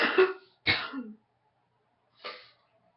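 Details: Three coughs, first two loose and throaty, last shorter and quieter, in an adult who woke up congested with a morning head cold.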